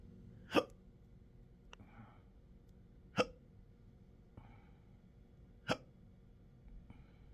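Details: Intractable hiccups with choking spasms and belching since December 2015, occurring in 12-hour episodes now seven days a week: three abrupt, loud hiccups about every 2.5 seconds with faint breaths between; intractable hiccups.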